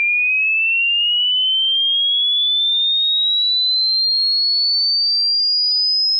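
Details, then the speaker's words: A single pure whistle tone rising steadily in pitch over six seconds, from a rough high-pitch hearing-age check where the listener pauses when the tone becomes inaudible; not a medical test. "In a moment, you'll hear a high-pitch tone. All you have to do is pause the video when you can no longer hear the sound."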